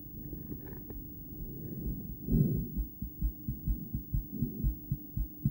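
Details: Female heart by stethoscope, poorly placed, during breathplay: muffled heartbeats with loud breath noise early, then beats in close pairs; bigeminal rhythm occurring several times, one long pause reported.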